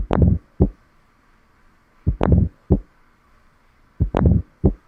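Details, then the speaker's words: Mitral stenosis teaching audio: slow, regular heart cycles, with an opening snap shortly after S2, then a decrescendo and a later low, delayed diastolic rumble with crescendo. "I hope you're able to appreciate the S2 dub a little bit of a of like a micro delay and then you hear the opening snap followed by the D Crescendo and then later a little bit of Crescendo delayed diastolic rumbling"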